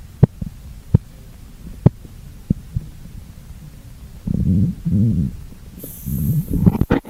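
Sharp regular taps about 70 a minute under the stethoscope, then cuff rustling; Korotkoff sounds heard while taking blood pressure by hand.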